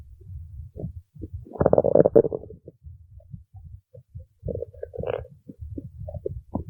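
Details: Gurgling, rumbling bursts with low bubbling between them; ordinary stomach growling (borborygmi) from gas and fluid moving through the gut.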